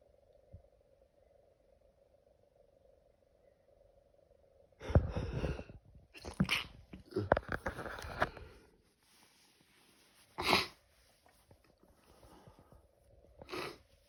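A burst of several sharp, explosive sneezes in quick succession over a quiet room hum; a sneezing fit linked to seasonal allergy.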